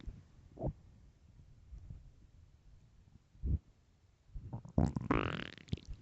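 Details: Loud stomach growling from an extremely hungry, empty stomach: low gurgling rumbles building to a long rising growl near the end; borborygmi.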